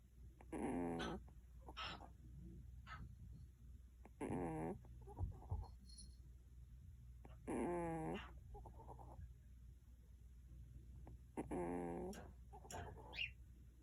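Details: Loud, wet, rattling, harsh voiced breaths, about 16 a minute, from a rescued stray cat with cat flu at its worst, one week into treatment, breathing laboriously with mouth open.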